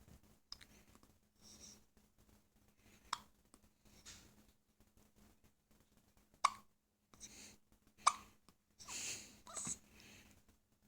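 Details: Infant hiccups: several sharp, brief catching sounds at irregular intervals amid quiet room noise.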